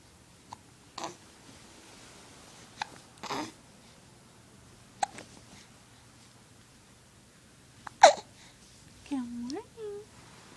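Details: Baby in a quiet room early in the morning: several brief, sharp catches followed by soft cooing while a parent talks; infant hiccups.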